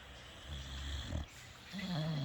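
Low rumbling, snorting breath sounds from a sleeping animal, fitting snoring.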